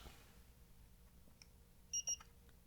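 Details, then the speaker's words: Acted doctor check-up roleplay, general physical exam: forehead thermometer held near the forehead gives two short high electronic beeps marking a completed temperature reading; result said to be healthy. "i'm just going to take your temperature really quick if you don't mind good this won't take a moment i promise i'm just going to hold this near your forehead okay"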